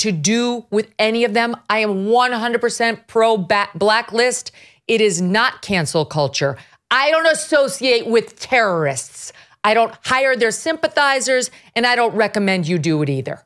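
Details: Adult woman speaking; Normal speech.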